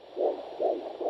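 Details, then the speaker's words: Handheld Doppler during pregnancy: soft rhythmic whooshing, a vascular souffle from blood vessels rather than the fetal heart. "a shoe fall they call it and it's the vessels but if it is very slow that means it's a maternal vessel that's slow"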